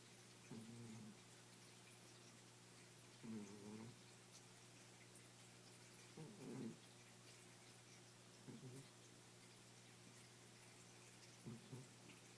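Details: A sleeping 15-year-old cat snoring: soft, rhythmic snores, five in about twelve seconds (roughly 21 a minute), over the steady hum of a drinking-water fountain.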